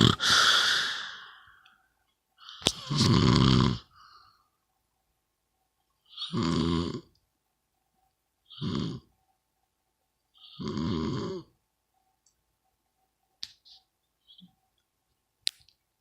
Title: What kind of snore is this part 3